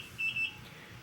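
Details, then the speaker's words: IV infusion pump alarm in hospital: two short high-pitched electronic beeps, set off when the patient moves her arm, over quiet room noise. "probably really annoying to you guys I've kind of gotten used to it because like I said everything if I move my arm too much it starts beeping and it only turns off when she comes in to check"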